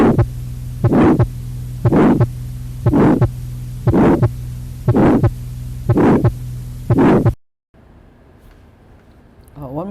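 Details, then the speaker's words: Systolic ejection murmur of tetralogy of Fallot: steady heartbeat about 60 a minute, with a loud harsh murmur filling each beat over a constant hum. In tetralogy, a louder, longer murmur indicates less severe disease than a very short one. "So if you remember this, in tetralogy of Fallot in cyanotic child, the louder murmur is good, better than very short murmur."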